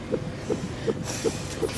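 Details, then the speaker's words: Simulated fetal heartbeat from a TV drama scene: rapid, regular soft pulses at about 160 a minute, played to reassure a pregnant woman worried that the baby had stopped moving; normal fetal heartbeat. "we have a listen down here that's baby's artbeat so we know he's alive or she"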